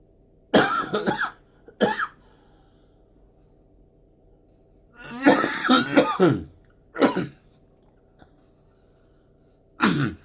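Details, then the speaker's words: An adult on a live stream, who says he has been ill with a cough, coughs and then apologizes to viewers for the coughing sounds. "ต้องขออภัยเด้อFCในการเสียงไอบางงวดก็ปิดกล้องทันอบางครั้งก็ปิดงวดกล้องบ่ทันนะครับต้องขออภัย"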